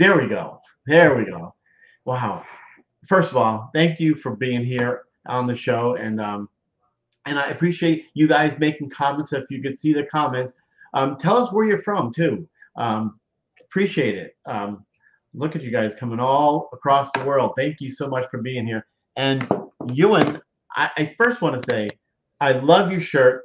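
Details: Adult man speaking; normal speech.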